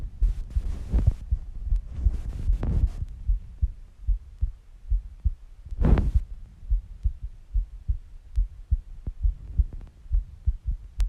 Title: Female Heartbeat Sounds Relaxing Heartbeat 💗